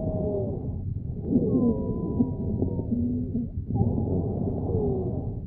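High-pitched musical whistling over breath sounds: sibilant wheezes from narrowed small airways, typical of an asthma attack.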